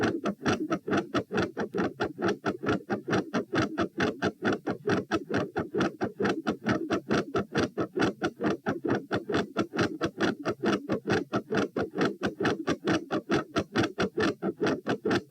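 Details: Fast, very regular heart sounds, about 136 beats a minute, recorded at position p while standing, with no drugs; a crisp, prominent first heart sound; heart sounds with loud first heart sound.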